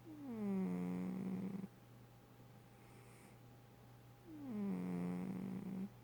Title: So my cat snores